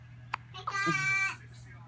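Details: A baby girl with hiccups: a sharp click-like hiccup, then a brief high-pitched infant cry lasting about half a second.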